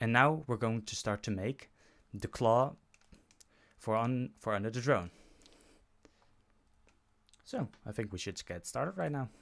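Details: Adult male who self-reports stuttering when he speaks. Stuttering.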